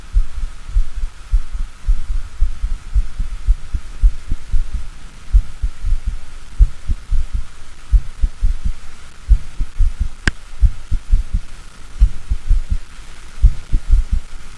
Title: Sent18 CARDIAC SOUND EXTRASYSTOLE READY